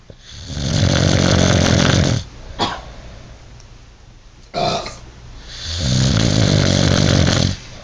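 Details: Two long, loud, rattling inhaled snores about five seconds apart, with a brief snort and short breath noises between them: heavy snoring from an adult man.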